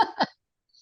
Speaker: I have a I have a nasty post viral cough and so I mute myself so that the world does not need to hear it.